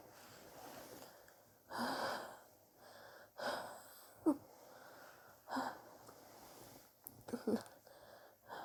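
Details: Harsh coughs with gasping breaths in a quiet room; persistent, sore-making cough over recent weeks, self-suspected bronchitis, chest x-ray pending to check for pneumonia.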